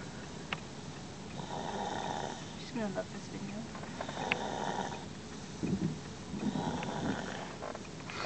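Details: Snoring in the car: soft, rough snoring breaths recur every couple of seconds over background noise, with a few brief snorting sounds.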